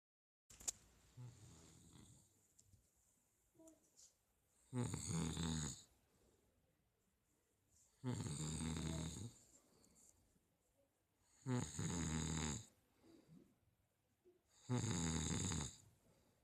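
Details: Snoring filmed at night: loud, harsh snores about every three to four seconds with quiet breathing between, four snores in a quiet room.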